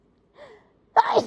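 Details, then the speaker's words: One strong explosive sneeze after a faint rising inhalation, during an uninduced tissue sneezing fit with a particularly itchy, irritated nose; sneeze. "so I got a request quite a few requests for like tissue sneezes um so we're going to do that um I don't have to induce I'm particularly itchy today I don't know why"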